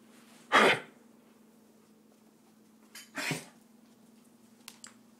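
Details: Cough: two short, harsh coughs a few seconds apart, with faint clicks afterward, in a quiet room.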